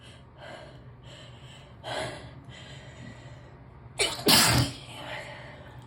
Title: Gave up on confusing my brain, just sneezing (11/9, forgot to post)